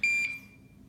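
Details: Curlin 4000 infusion pump, pre-programmed for IVIG, at start-up; a single short, high electronic beep signalling a routine maintenance alert.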